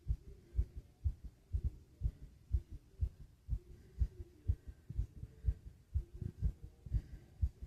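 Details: Fast heartbeat with heavy breathing: regular, deep low thumps at about 120 a minute, with a faint low hum underneath.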